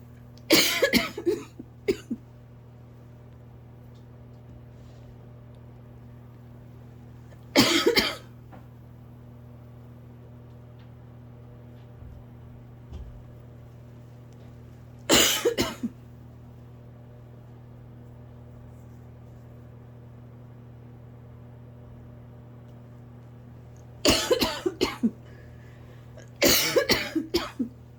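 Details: Night-time asthma cough in an adult: repeated dry, nonstop coughing bouts in a quiet room, starting on lying down to sleep for the last few nights.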